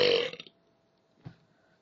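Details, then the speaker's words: A short voiced belch of about half a second, then near silence with a faint sound; a person deliberately burping on camera, described as small burps that day. "Hey I wanted to show you guys how I burp so here we go yeah they're kind of small today but yeah that's how it sounds"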